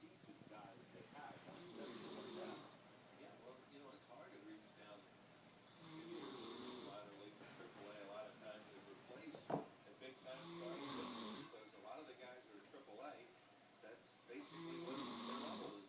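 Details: Person snoring during sleep: rough, rattling snore breaths recurring about every four seconds with faint room noise between them.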